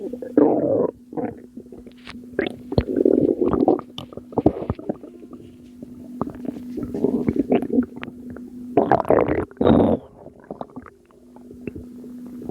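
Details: Stomach rumbling from a postpartum mother, attributed by her to postpartum water weight: loud, irregular gurgling and rumbling bowel sounds over a steady background hum.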